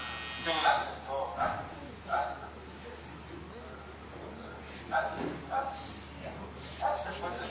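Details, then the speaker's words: Short, hoarse, dog-like barking vocal bursts from the son of a man over 60, who is in the last stage of rabies and became symptomatic after his last vaccine shot. "so see how sound the back like a dog this the last stage"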